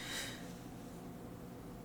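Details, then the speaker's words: Small female dog asleep gives one brief, soft snorting breath, then quiet room hum; gentle snoring. "I was wondering if you could hear it. That's Chappie. Little dog Chappie snoring away."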